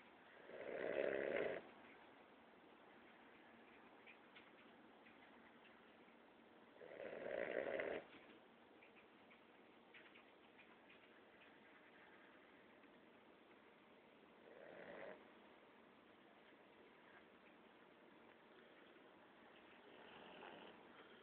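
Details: A Boston Terrier snoring loudly during a midday nap: loud, rattling snores about every seven seconds with quiet room noise between.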